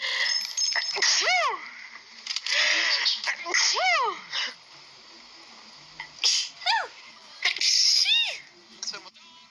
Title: Sneezes Pt.11